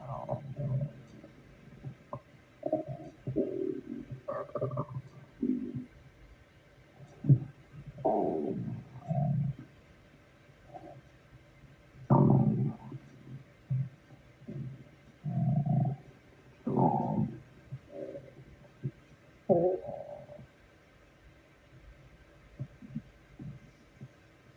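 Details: Stomach growling at work: low gurgling, rumbling bursts that come and go irregularly; normal bowel sound, borborygmi.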